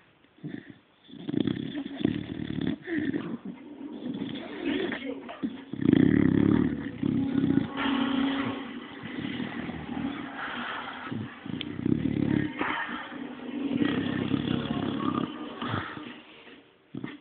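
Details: A dog sleeping with its eyes partly open, snoring loud, rough and rattling, with irregular bursts and snorts mixed through it.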